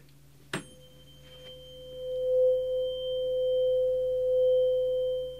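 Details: A light strike, then a steady pure ringing tone that swells and holds: a tuning fork sounded beside each ear for a hearing test in a simulated ASMR cranial nerve examination role play.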